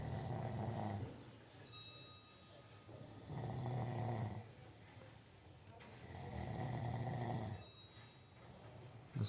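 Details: Sleeping dog in Bhutan snoring: slow, regular low rumbling snores with each breath, about 20 a minute.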